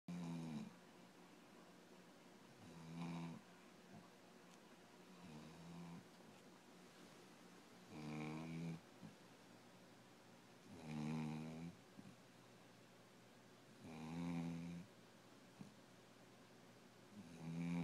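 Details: Loud, rhythmic snoring from a sleeping dog, roughly 20 snores a minute, in a quiet room.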